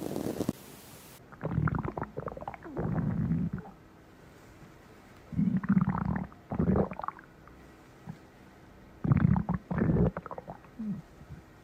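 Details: Stomach growling (borborygmi): several low, gurgling rumbles come in bursts with quiet gaps between them.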